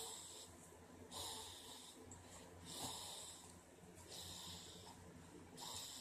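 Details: A female snoring into her arm; snoring.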